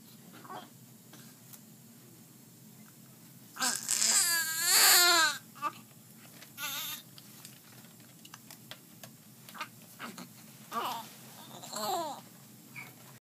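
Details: Young child, recorded at a hearing test, crying: quiet room broken by loud wailing in bursts, then softer whimpers.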